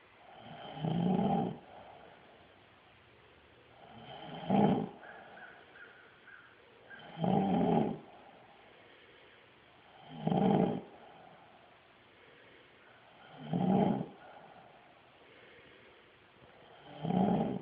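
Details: Heavy snoring from a deeply sleeping subject, undisturbed by camera flash, birdsong, sirens and barking dogs: loud, rough snores on each breath in, about 19 a minute, with quiet pauses between.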